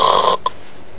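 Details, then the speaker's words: Imitated snoring demonstrating obstructive sleep apnoea: a rough snore ends in a brief snort, then the sound suddenly stops while breathing effort continues, heavy and laboured, as the blocked airway leaves the sleeper choking. "nah iya i saya gerakan nafasnya tetap ada tapi suaranya tiba-tiba hilang dan kelihatannya usaha nafasnya berat gitu kelihatannya sesak Nah ini apa yang terjadi saluran nafasnya tersumbat"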